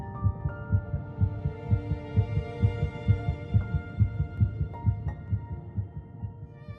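Rapid, regular soft thumps at about 130 a minute over background music: an embryonic heartbeat.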